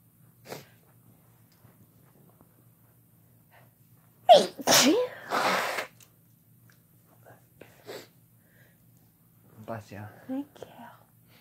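Loud explosive sneezes in close succession, with quiet talk from others afterward; a sneezing fit.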